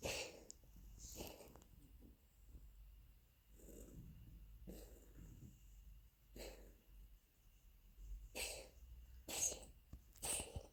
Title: Кашель у Ласки